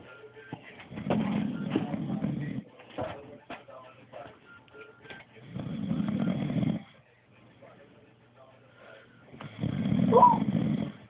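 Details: Man snoring "like a drill": three long, rough, rumbling snores with quiet pauses between breaths and faint background sound; ordinary snoring.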